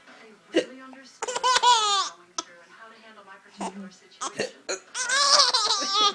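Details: Hiccups heard as brief sharp catches in mommy's voice between bursts of baby laughter.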